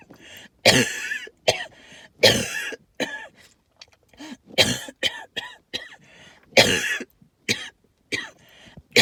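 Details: Allergic cough with lots of wheezing: repeated harsh hacking coughs and throat clearing with whistling, wheezy breaths between, linked to tree pollen and mold spores.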